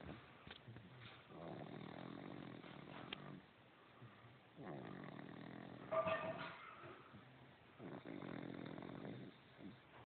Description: snoring away in her car seat.